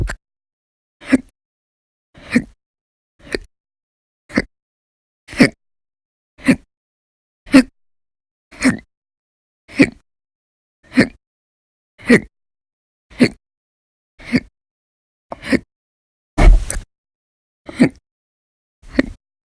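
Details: About 17 sharp, abrupt hiccups, roughly one a second, fairly regular, silence between; persistent violent, very loud hiccup episodes lasting hours, recorded November 2019; hiccups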